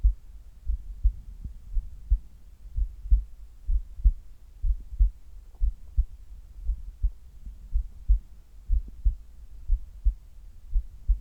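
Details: Heartbeat recorded while the person does sit-ups (abdominal crunches), after a resting recording: steady low thumping at about 62 beats a minute; heart sounds during exercise.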